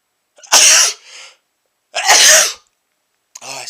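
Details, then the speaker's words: Two loud, explosive sneezes from an adult man, each with a sharp hissing burst of air, after sniffing a strong, menthol-smelling, burning chhinkni powder for the first time: sneeze. "sneezed those are big sne oh those are big sneezes it's still in there oh boy oh it burns like crazy"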